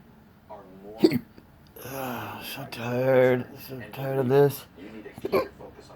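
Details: Man with persistent intractable hiccups since December 2015, cause undiagnosed, with breathing and choking spasms; hiccups every 1-3 seconds, sharp catches breaking into his voiced sounds a few seconds apart.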